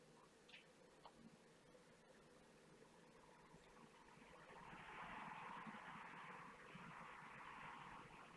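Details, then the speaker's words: Ear microsuction with a fine-end suction probe on a girl whose severe earache kept her awake at night: a faint hiss rising to a steady airy rush on impacted, deeply embedded gum-like wax and dead keratin. "go inside the ear at all so it's just a little fine end gorge attached to the zombie suction probe you can see i'm actually able to get the fine end into this pasta swelling onto this piece of dead keratin and wax that's almost like a chewing gum but i'm just not able to remove it it's really impacted really embedded"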